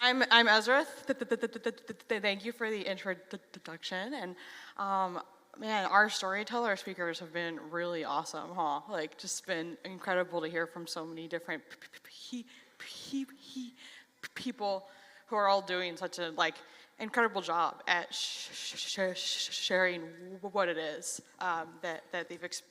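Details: Stuttering in a 33-year-old adult who has stuttered since age 6; reports stuttering less on stage than in casual videos.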